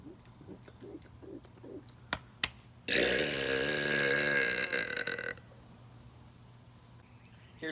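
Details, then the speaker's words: Deliberate burp in a challenge comparing burps after 5, 10 or 20 air-swallowing pumps: a few soft clicks, then a loud, prolonged, croaking belch lasting over two seconds. "how that's gonna work is we're gonna do five pumps see how good the purpose then ten pumps Co get the purpose and then 20 pumps and see how good the burp is"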